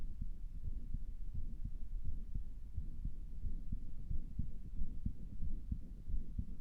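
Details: Self-recorded heartbeat through a stethoscope, about 90 a minute, sounding weird to the listener, with a low hum that may or may not be a murmur; possible murmur.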